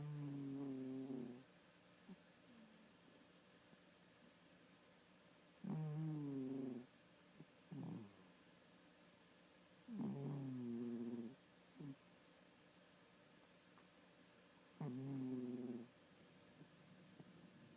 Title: Kompis Snoring Loudly